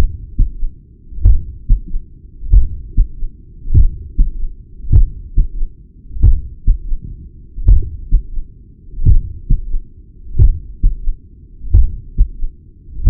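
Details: Heart murmur and third heart sound (S3) recorded at the apex with a Stemoscope digital stethoscope: a slow heartbeat of about 46 a minute, with a soft extra third sound and a murmur between beats.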